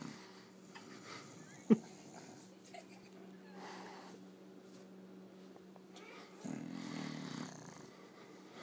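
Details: English Bulldog asleep during a rub-down massage: soft, low rumbling breaths with one sharp snort; snoring.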